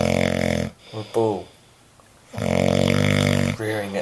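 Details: Two long, loud buzzing snores with a brief quiet gap between them; snoring from a roommate.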